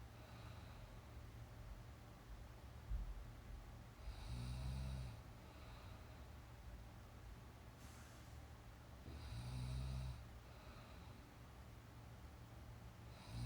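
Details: Young woman sleeping, real sound: quiet, low rattling snores recurring about every five seconds over steady background hiss; ordinary snoring during sleep.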